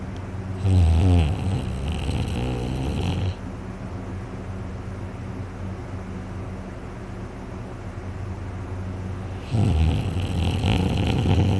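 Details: Person snoring heavily in sleep, very tired after a day of hunting, with a sore throat afterward: two loud, deep rattling snores several seconds apart with a low room hum between.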